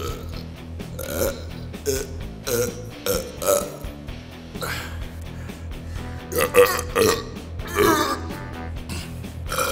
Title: World Burping Championship